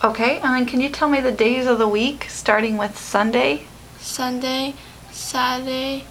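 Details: Adult female speaker, with brief replies from a second speaker; typical speech.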